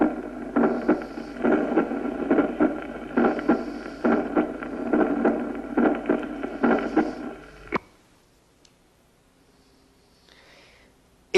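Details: Pulmonary ejection click.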